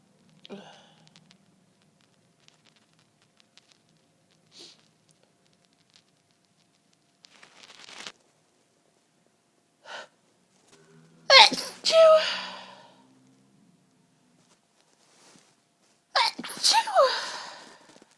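Quiet breaths and sniffs build up to two loud, explosive sneezes; a sneezing fit.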